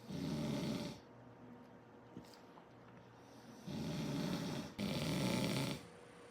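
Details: Sleeping coyote brothers snoring: loud, rough, fluttering snores on each breath with quieter pauses between.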